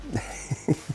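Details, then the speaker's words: Adult recovering from flu or worse, who reports wheezing heavily, coughs while talking during a model build: cough from illness. "being sick is always miserable being sick publicly is worse"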